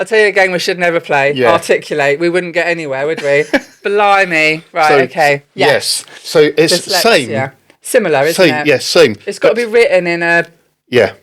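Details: Adults in conversation; conversational speech.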